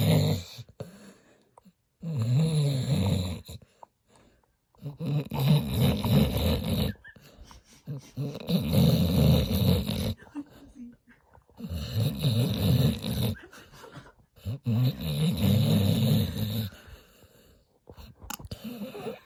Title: Snoring Dog